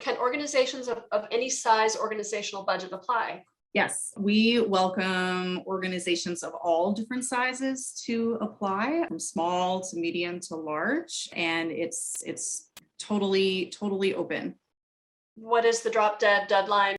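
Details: Adult female speaker; normal speech.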